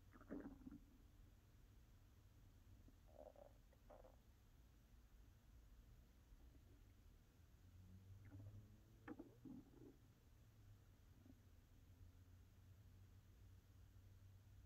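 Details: Low gurgles and rumbles from an adult woman's hungry abdomen, recorded for ASMR: ordinary stomach growling of hunger and digestion (borborygmi).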